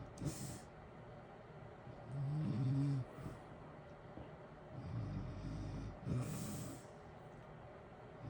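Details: Soft, low natural snoring during sleep under a steady hiss of heater white noise; ordinary snoring.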